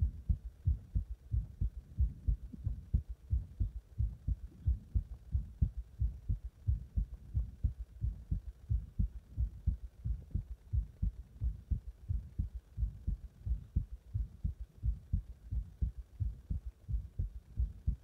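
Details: Steady, strong low thumping heartbeat at about 90 beats a minute with a faint background hum; heart sounds recorded with cardiac massage and chest compression.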